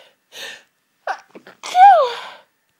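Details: Intense half-stifled sneezing fit lasting about 20 minutes, nose tickly and congested: short breathy intakes, then a loud, partly stifled sneeze with a high voiced cry.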